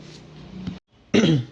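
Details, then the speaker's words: A soft throat-clearing, a brief pause, then one loud harsh cough from an adult who has a sore throat and feels unwell, coughing while recording a voice-over; cough. "আমার গলাটাও খারাপ guys, কিছু মনে করো না, আমি কাশছি একটু, কিছু মনে করো না।"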